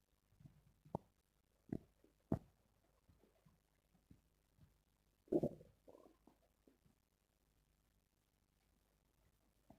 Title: Stomach growling sounds #1